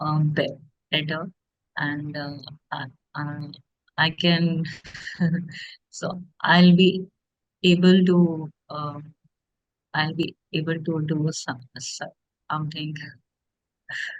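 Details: Stuttering in a woman who stammers, speaking as an audience member in a podcast Q&A.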